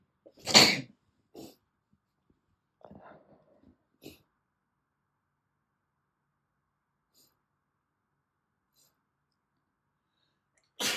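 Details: Natural sneeze: one loud, sharp sneeze, a few faint sniffs and breaths, then another sneeze starting at the very end.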